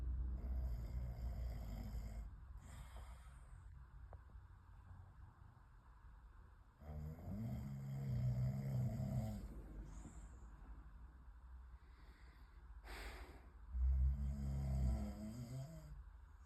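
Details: Heavy snoring during sleep around 2:30 a.m.: loud, deep, rumbling snores on the in-breath with a faint tonal hiss in the room.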